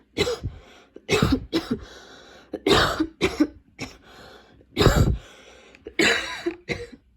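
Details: Persistent cough in a person already on medication for it: about ten repeated harsh coughs in bursts of two or three with short breaths between, a persistent coughing fit.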